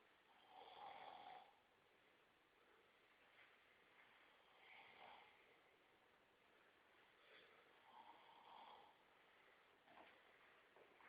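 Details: Snoring: soft, rhythmic rattling snores every three to four seconds, about 16 to 18 breaths a minute, in a quiet room.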